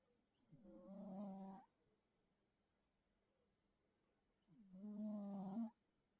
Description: Video description: Sleeping bengal cat makes snoring sounds like a baby elephant.